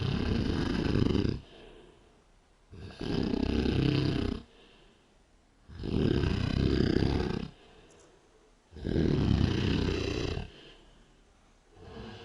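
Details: A young woman passed out at 5 AM after a bonfire party, recorded on a night-vision camera; loud, harsh, rumbling inspiratory snores, about four in twelve seconds, with quieter exhalations between. Heavy snoring in deep sleep.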